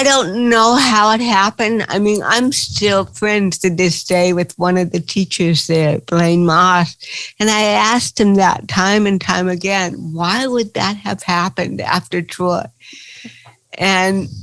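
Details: Adult woman with cerebral palsy, real, speaking in an interview; dysarthria (cerebral palsy).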